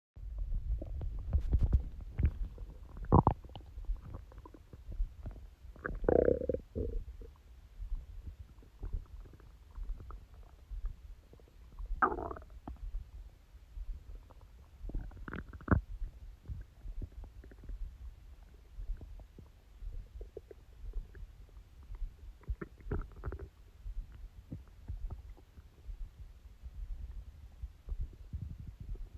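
Low rumbling gurgles with several louder squeaky gurgles, typical of an adult stomach growling.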